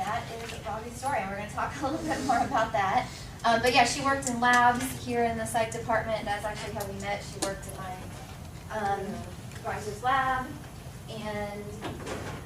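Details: Adult woman speaking; Typical speech.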